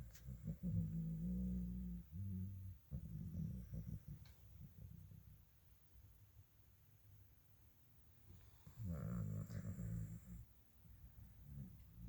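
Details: A female snoring: low, rough, rumbling breaths in two bouts with quieter stretches between.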